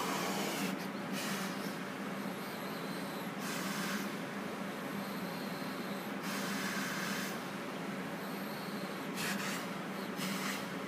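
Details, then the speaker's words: Respironics BiPAP Visions non-invasive ventilator, mask held on a demonstrator's face with filter: steady blowing airflow rising at set inspiratory pressure (IPAP) and holding constant EPAP/PEEP during exhalation, cycling back and forth. "what you can see there is that I during inspiration I was getting the pressure the IPA pressure set on the ventilator and it's maintaining a constant epap or peep pressure during exhalation all right so it's cycling back and forth"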